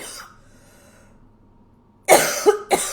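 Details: Adult who says their voice is sick, though otherwise feeling well, gives a short run of about three coughs after a quiet pause: one loud burst and two quicker follow-ups.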